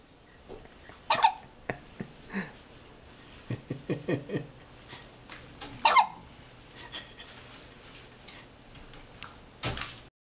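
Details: Infant who gets hiccups quite regularly: soft, irregular short bursts with sharper catches near 1.2, 6 and 10 seconds over quiet room noise; infant hiccups.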